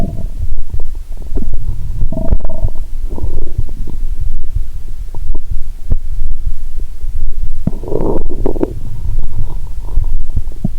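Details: Lying down after drinking cola and swallowing Mentos, stethoscope on abdomen: low continuous rumbling with bubbling gurgles and brief squeaky, tonal swells; active bowel sounds.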